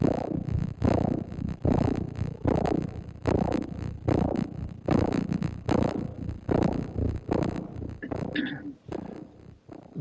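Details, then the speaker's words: Fetal heartbeat heard on ultrasound as rhythmic whooshing pulses; normal finding. "so what we've always called a fetal heartbeat we can watch a fort on ultrasound which is what you're listening to there"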